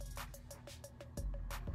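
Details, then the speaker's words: Fetal heartbeat recorded on Doppler at about 30 weeks of pregnancy, heard as rapid, regular whooshing pulses replayed through the small speaker of a heartbeat stuffed toy. "That was about like 30 weeks. That's how her heartbeat was sounding at 30 weeks. Yeah. It's a little stronger than that now."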